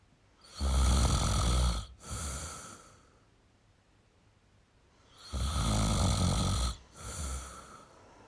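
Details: Adult male snoring: two loud, rattling snores on breathing in, each followed by a softer breath out, about 13 breaths a minute; ordinary snoring.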